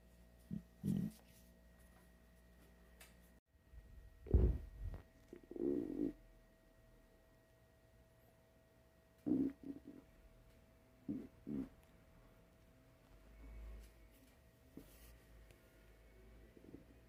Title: De nuevo, me suena la panza vacía - Hungry Stomach Growl